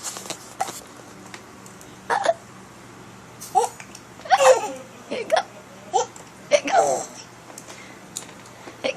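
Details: 7-month-old boy with persistent hiccups: sharp, short hiccup bursts at uneven intervals, mixed with a little voice and laughter in a small room. Hiccups.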